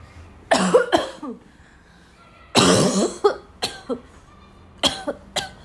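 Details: Afternoon coughing fit in a girl, starting weak and gradually becoming violent: repeated harsh coughs in clusters, some with throat clearing, in a quiet room.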